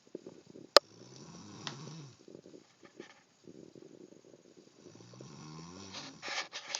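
Two drawn-out, rattling inhaled snores with a buzzing, fluttering quality, separated by quiet pauses; ordinary snoring.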